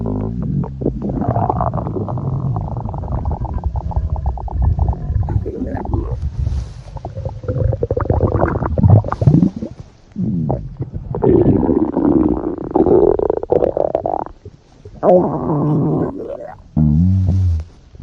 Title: (ARCHIVED) Stomach Growling